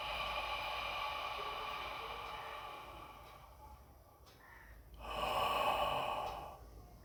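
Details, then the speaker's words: Costal breathing exercise for stammering: right hand on chest, fast inhale through the mouth, hold two to three seconds, then exhale about twice as long (e.g., eight seconds); practised morning and evening. "इसी तरह से आपको coastal breathing करना पड़ेगा और आपको बोलते वक्त इसी तरह से सास इन्हेल करके मुंह से साथ इन्हेल किया फिर थोड़ी सेकंड होल्ड किया फिर बोला"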